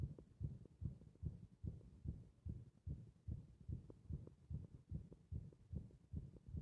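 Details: Heart beating against compression: fast, regular low thumping heartbeat at roughly 146 beats a minute.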